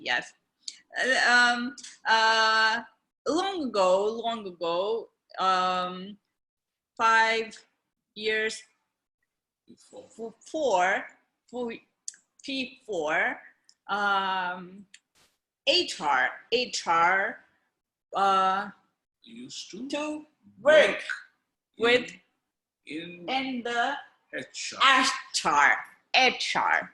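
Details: Non-fluent aphasia with word-finding difficulty in an adult woman from India who is a stroke survivor, speaking with her husband and care partner present.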